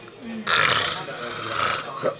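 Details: From a man having an early night, a brief voiced sound, then a loud, drawn-out, rough burst of air from the throat lasting over a second; a belch, though labeled as snoring.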